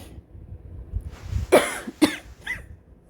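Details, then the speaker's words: Adult sick with COVID-19, cough persisting despite a breathing treatment taken beforehand: coughing; COVID-19 cough. "i apologize for the coughing i'm actually sick um i took a breathing treatment thinking it would help before this but evidently not"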